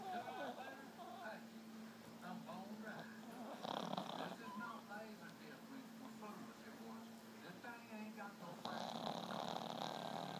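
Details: Male with bad allergies, drowsy after Benadryl: low, steady buzzing snore heard through the clip under room noise, a TV in the background and scattered rustling; unusual snoring.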